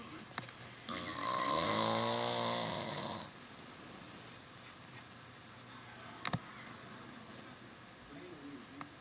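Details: Man snoring in sleep: a single long, loud, fluttering snore on the in-breath, then quiet breathing with faint room hiss.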